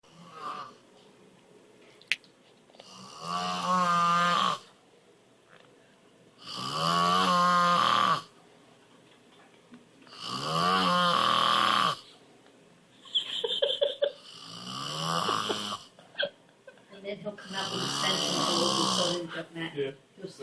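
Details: Man with sleep apnea who does not use his machine: loud, rattling snores about every four seconds, with breathing pauses sometimes almost 8 seconds; loud snoring, obstructive sleep apnea.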